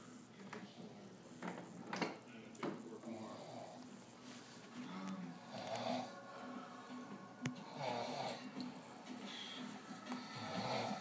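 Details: Person (roommate) snoring while asleep: repeated rough, rattling breaths with TV talk and music in the background.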